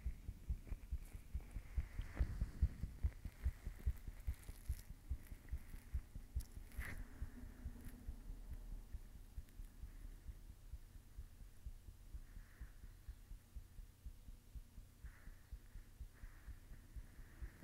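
Faint, steady low thumping beats under a constant hum, a heartbeat recorded close to the chest.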